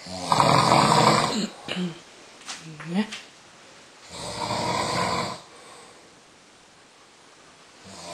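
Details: Snoring in a sleeping person after a rich meal and red wine: two loud, rough snoring breaths a few seconds apart, with softer breathing noises between.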